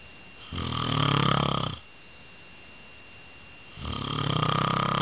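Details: Father snoring: two loud, vibrating snores with a slightly whistling edge, separated by a quiet pause.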